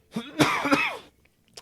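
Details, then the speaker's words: One harsh, forceful cough with a rough, throaty tail in a small room, from an adult who says he is sick and coughing into the microphone. "Guys, I'm sick right now, so please excuse me fucking coughing in the mic."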